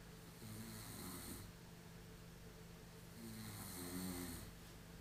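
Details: Man snoring while asleep on a couch: two low rumbling snoring breaths about three seconds apart over a steady background hum.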